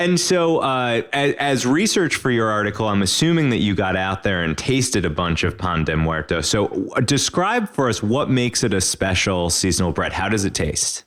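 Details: Adult male speaker; ordinary speech.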